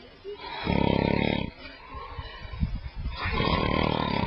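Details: Man snoring in his sleep, who denies that he snores: two loud, rattling inspiratory snores with a pause of noisy breathing between them; ordinary snoring.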